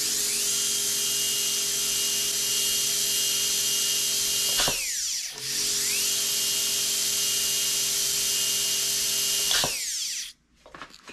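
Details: Brasseler Forza F5 electric dental high-speed handpiece tested after chuck tightening: steady high-pitched whine, running, stopping and restarting, then spinning down; the handpiece later gave an overheat error.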